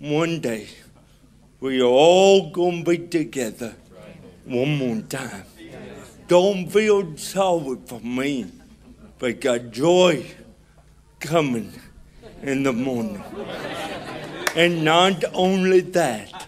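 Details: Adult man with cerebral palsy who walks with a limp, described as hard to understand in places; dysarthria (cerebral palsy).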